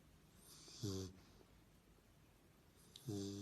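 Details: Sleeping dog snoring: two short, low, rattling snore sounds about two seconds apart, with quiet room noise between them.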